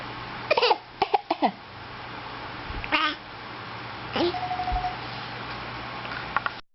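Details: Infant who learned a few days earlier to cough on purpose for attention makes several short, light cough-like bursts mixed with babbling; voluntary fake cough.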